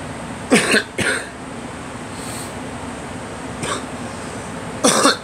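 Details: Person coughing during an allergy flare-up: a few brief coughs and throat clearings over steady room hiss.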